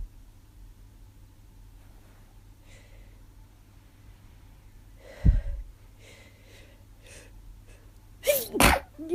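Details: Sneezing, one sharp sneeze then a second a few seconds later, in a person who thought it was allergies but woke with a sore throat and headache and suspects something more.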